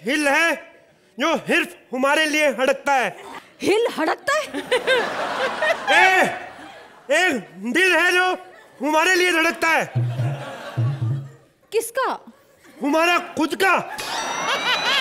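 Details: Acted, not real: a male comedian playing a comic stammering character in Hindi who swaps initial consonants; stammering (acted, initial sound substitution).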